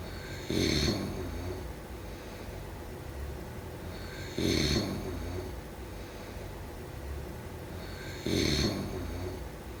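Three loud rasping snores on in-breaths, about 16 a minute, with quieter breathing between; typical sleep snoring.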